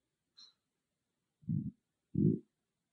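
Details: Stomach growling recorded with only an iPhone, no external microphone, in a quiet room: a faint click, then two short, low gurgling growls; stomach growling (borborygmi).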